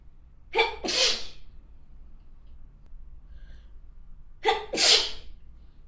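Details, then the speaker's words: Adult woman's two sneezes after inhaling something minty, each a sharp in-breath then a loud explosive burst; she said she felt itchy and about to sneeze. "待って、もうくしゃみ出そう。めっちゃムズムズする。"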